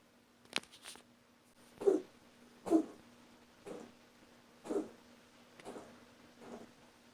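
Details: Cat coughing: a run of short, soft, dry hacking bursts, about seven in a few seconds.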